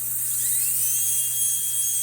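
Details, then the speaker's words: High-speed dental handpiece with burr during crown prep, smoothing out shallow depth cuts by moving the burr back and forth while keeping margin height even; continuous high-pitched whine with steady hiss over faint low hum. "Okay, so I have a couple shallow depth cuts here, and I'm just gonna smooth all of them out by moving my burr back and forth."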